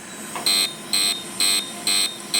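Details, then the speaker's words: Core CO2 fractional laser in fusion mode, aggressive setting, treating facial acne scars by circling each scar: regular high-pitched electronic beeps, about two a second, marking each pulse as the fractional CO2 laser fires. "I'm using these fusion mode and this is about as aggressive as I get with this pore fractional laser"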